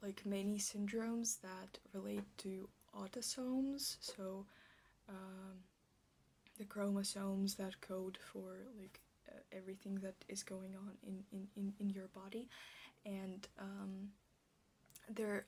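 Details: Stuttering with word repetitions in an ASMR roleplay by a female speaker, who states she stutters like this in real life.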